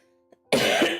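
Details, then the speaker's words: Adult with allergies, allergy pills not working, expecting to cough and sniffle for a month or two: a single loud, harsh cough burst over soft background music. "Um, for the next about month or two, you will hear me cough and kind of sniffle throughout the stream, and I just want to apologize in advance."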